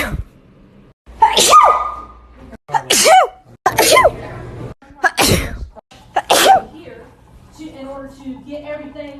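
A run of five sharp, explosive sneezes, each with a sudden burst of air after a short intake, followed by brief talk.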